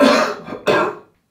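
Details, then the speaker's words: Productive cough after the huff breathing technique, demonstrated to clear airway secretions: two short, moderately forceful coughs with a loose, rattly quality. "the huff technique has worked hopefully your cough will be more productive and will need to be less forceful and hopefully less aggravating"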